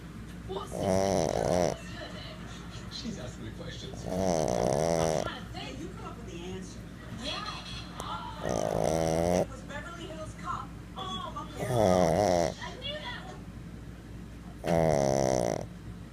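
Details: Loud, rattling snores about every three seconds with quieter snuffling between, from Ollie, a sleeping pug; faint talk in the room.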